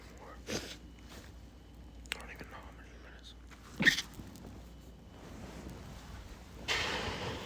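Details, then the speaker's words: Male, eyes burning and watering after deliberately inducing sneezes with chickpea, trying to stay quiet: several short, muffled stifled sneezes, harder to hold back, with quiet breathing and rustling between. "I see they're getting harder to stifle now."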